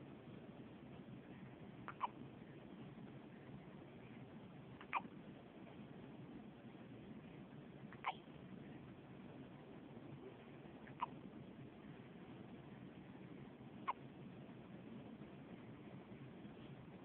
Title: Hiccups!